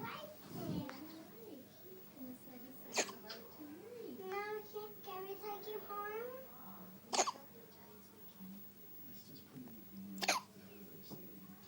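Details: A baby girl's first hiccups: three sharp, brief hiccup clicks a few seconds apart amid soft baby vocal sounds. Ordinary infant hiccups.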